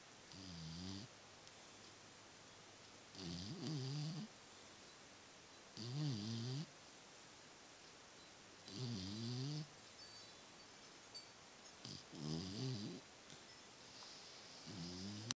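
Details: Regular, low, rumbling snores on each breath, about 22 a minute, with quiet pauses between; snoring.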